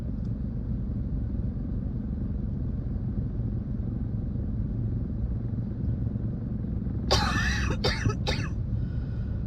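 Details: Person with a spring cold, recorded while driving: a short run of three harsh coughs over the steady rumble of the moving car; cough.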